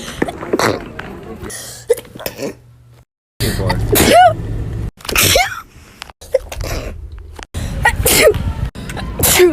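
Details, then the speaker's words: Compilation of separate sneezes from different people in TikTok clips, some voluntary (one trying to sneeze with eyes open): sharp bursts with voiced cries, background street and room noise. "I'm gonna try to sneeze with my eyes open. Okay, that was weird, and I kind of want to do it again. Sorry, I sneezed a little there."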